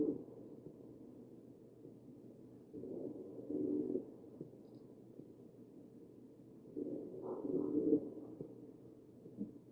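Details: Wheezing heard over the chest of a patient on a ventilator, recorded from a real patient.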